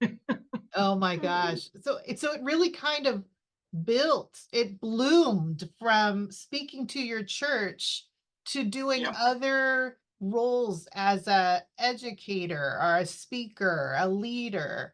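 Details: Adult woman; typical speech.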